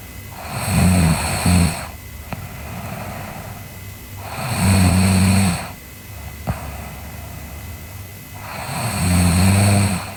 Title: Sleeping Girl Snoring (ICDM) Part 2